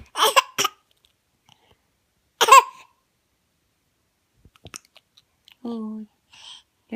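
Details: Infant with hiccups while laughing, after spitting up: brief sharp voiced catches mixed with laughter and a short squeal, in a quiet room.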